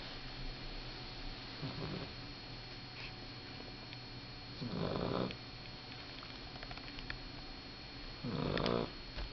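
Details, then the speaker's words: Sleeping male puppy snoring: soft snuffling snores about every three to four seconds over steady room hum; harmless. "I love hearing him snore."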